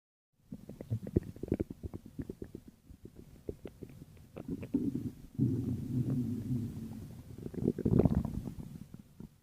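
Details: Stomach growling (borborygmi): low gurgling, bubbling rumbles with rapid irregular pops, then a longer sustained growl and a final loud gurgle.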